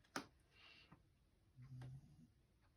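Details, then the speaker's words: Faint, low rumbling snore heard once from a sleeping pet, described as knocked out, with a soft click and quiet room hiss: snoring. "Gohan is snoring in the background. You hear it? Hold on. I pause. Yeah, he's knocked out."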